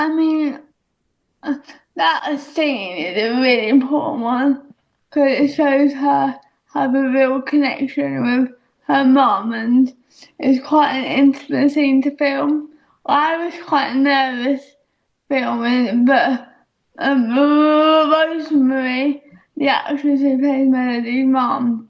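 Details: Adult female speaker; dysarthria (cerebral palsy).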